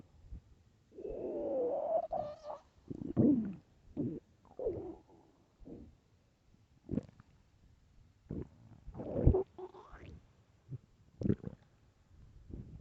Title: LOUD hungry stomach growls (headphones)